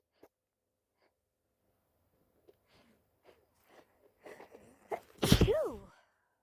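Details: Person sick with flu, living off grid in a tent: quiet breaths build up, then one loud, forceful sneeze with a voiced burst near the end; sneezing.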